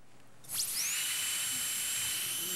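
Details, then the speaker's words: Conventional dentist's drill for cavity fillings, played as the disliked sound before a painless laser filling shown on TV; sudden high-pitched whine that starts and holds steady. "well fortunately for all of us who hate that sound it's becoming a thing of the past"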